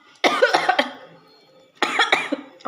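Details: Two short bursts of harsh reflex coughing from very spicy sambal while eating chicken noodles (mie ayam).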